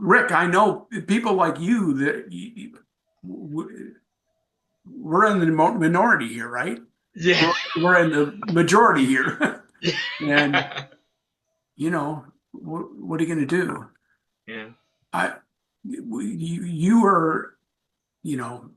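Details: Aphasia in an adult male, acquired after a traumatic brain injury from a bike accident without a helmet and a month-long coma, about four and a half years post injury; ongoing aphasia.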